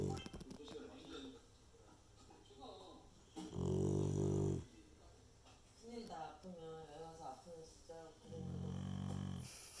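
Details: Sleeping Jindo dog wearing a cone, wrapped, with a treated ear: loud rattling snore bursts mixed with whimpering and snuffling between.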